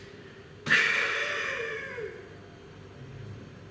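One sudden, forceful open-mouthed breath out, breathy and about a second and a half long, fading away: a demonstrated huff, the forced expiration used for airway clearance.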